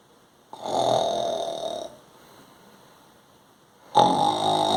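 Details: Imitated sleeping-time snoring through the nose, not real snoring: two long, buzzy nasal snore sounds separated by a quiet pause.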